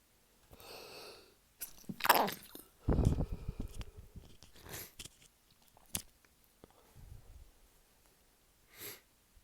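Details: Early-morning sneezing fit from a tickle, beside a sleeping friend, trying to stay quiet: several sneezes, some partly stifled, in a close run in a quiet room; sneezing fit.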